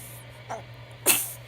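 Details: A faint breath followed by one sharp, hissing burst of air, a single sneeze, over a steady low electrical hum.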